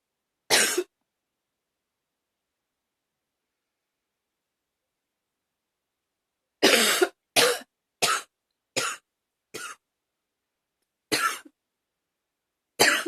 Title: #24 another hard coughing